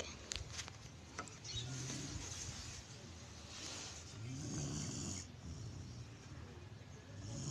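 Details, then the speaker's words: Pet dog snoring loudly during sleep: low, rumbling snore sounds recurring over steady background noise. "Wow, ang lakas humilik."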